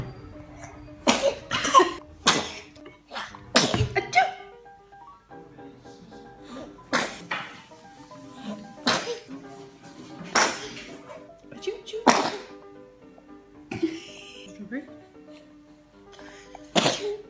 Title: baby sneezes anytime there try to feed him 😄😀😂